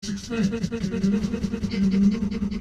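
Rapid, rhythmic breathy panting, several pants a second, with a low voiced tone underneath and no break.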